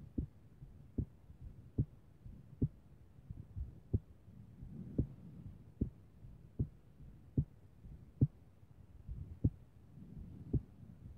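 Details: Morning heartbeat, strong low thumps at about 64 a minute, with several beats arriving late after longer pauses: irregular but strong heartbeat.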